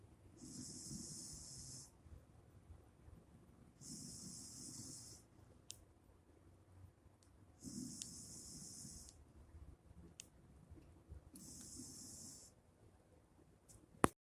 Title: Snoring asleep